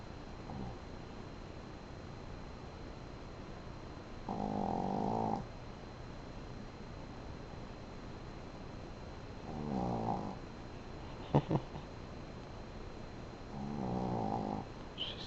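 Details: A dog snoring during sleep: three slow, rumbling snores about five seconds apart over low room noise, with a brief click between them.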